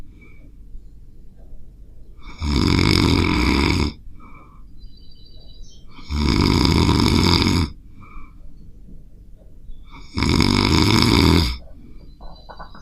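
Three loud, rough, rattling snores on breathing in, about every four seconds, with quiet between. Heavy snoring.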